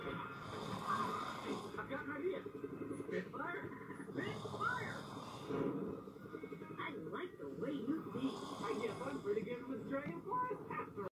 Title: My brother was snoring really loud